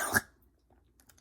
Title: Arm wrestle sim (part 1 don’t mind my coughing I just woke up )